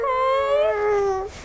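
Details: Selective mutism, girl distressed after realizing she was accidentally overheard speaking: sustained high-pitched wailing cry that trails downward and fades, acute distress; crying.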